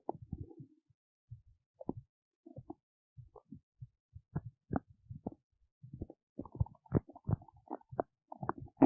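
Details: Belly noises while digesting oats: irregular low gurgles, squelches and brief squeaky bubbling bursts separated by short pauses; ordinary bowel sounds (borborygmi).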